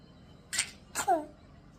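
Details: Young child imitating someone coughing with mouth wide open: two short, breathy, open-mouthed bursts, the second ending in a voiced sound; a playful imitated cough.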